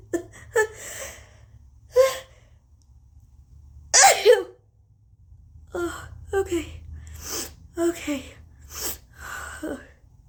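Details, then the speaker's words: Sneezes deliberately provoked by sniffing turmeric and a turmeric Q-tip in the right nostril, in a very congested person: two sharp sneezes with a gasping intake, between bursts of speech in a quiet room. "okay okay so um there's one's sneeze"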